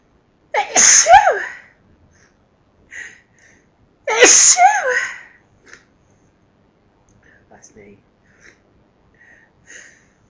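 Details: Forceful, loud sneezing fit: two loud "achoo" sneezes about three seconds apart within a long run, quiet breaths between.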